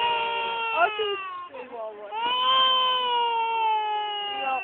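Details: Long, high-pitched tonal wails from a young child with a brief break between; ordinary crying.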